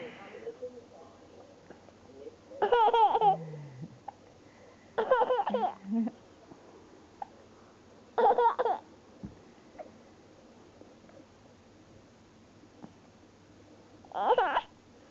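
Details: Hiccups, short sudden voiced bursts about every three seconds, mixed with giggling in a quiet room.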